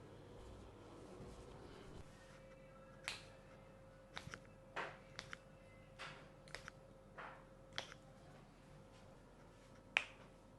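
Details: Several sharp cracking pops in a quiet room: joint cavitation during chiropractic spinal manipulation of a patient with scoliosis and long-standing back pain, done while relaxing and exhaling.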